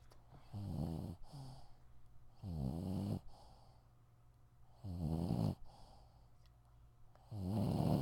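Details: Dog snoring: rattling snores on each inhalation with soft exhalation, about eight breaths a minute in a quiet room.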